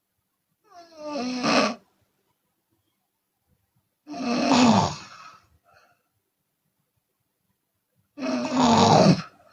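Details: Chinese woman snoring with open mouth, sometimes on exhalation: three loud, rough, rattling snores about four seconds apart, roughly 14 a minute, with silent pauses between; snoring.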